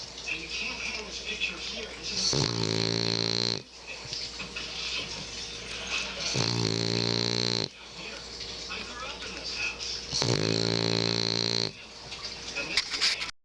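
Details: A French Bulldog sleeping in the dark snores loudly: three rough, rumbling snores about four seconds apart, with noisy breathing between them.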